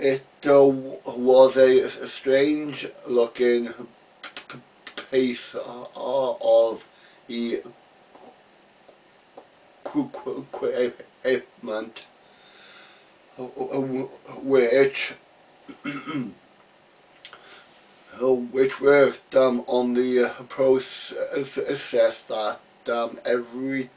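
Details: Adult man, real, stammering since about age three; part-word and word repetitions and blocks heard; stuttering.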